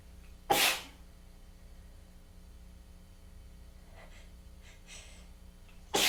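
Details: Sneezing fit blamed on tickly congestion from a change in weather: two loud explosive sneezes several seconds apart, with soft sniffing and breathing between.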